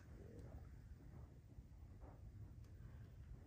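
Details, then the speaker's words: Faint, low, drawn-out rumbling and gurgling from a very hungry adult's stomach over quiet room noise; stomach growling (borborygmi). "my gosh did y'all hear that that was my stomach growling i'm very hungry"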